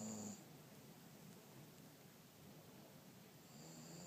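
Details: German Shorthaired Pointer dog snoring while asleep on the couch: soft, low rumbling breaths at the start and end, with quiet room noise between.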